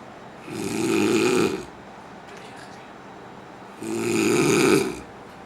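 Two loud, rough, rattling snores on breathing in, about three seconds apart, with quiet between them; ordinary snoring.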